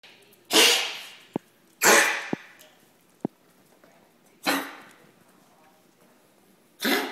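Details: Yorkie dog with a vet-diagnosed partially collapsed trachea and a persistent cough gives repeated harsh, honking coughs, typical of tracheal collapse; recorded December 2010 to show the vet. The dog also has liver problems.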